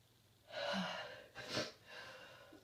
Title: chhinkni cold sneezes